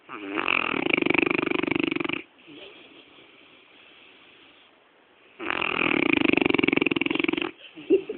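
Two loud, long rattling snores separated by a quieter breath in, from a sleeping large dog; ordinary snoring.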